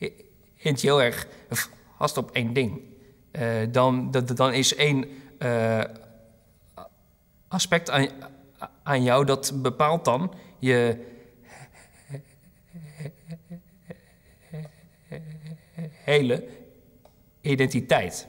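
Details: Dutch-speaking person who stutters, interviewed in a documentary about people who stutter; long pauses between phrases may be stuttering blocks, though this stretch is not labeled; stuttering.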